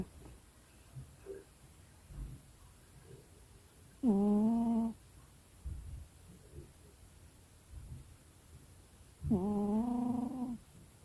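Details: A pet cat snoring in its sleep: soft, quiet breaths with two louder, voiced, humming snores about five seconds apart.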